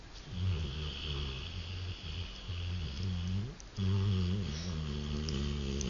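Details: 3-year-old male Rottweiler lying on the couch taking an afternoon nap: steady, low, rumbling breaths with a soft whistle on top, continuous through most of the clip; a sleeping dog snoring.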